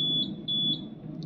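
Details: Three short high-pitched electronic beeps over low machine hum from a VIHA DV 10 Plus ventilator in HFNO mode (flow 5, FiO2 21%) as therapy starts; normal ventilator alert tone.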